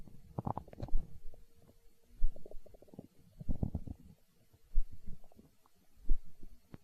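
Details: Stomach growling (borborygmi), hunger sounds from an ASMR recording: low rumbling, gurgling bursts recurring about every second.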